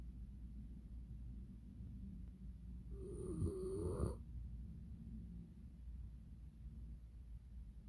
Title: Italian mastiff snoring